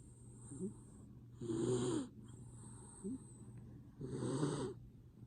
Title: Snoring Mini Dacshund - Shadow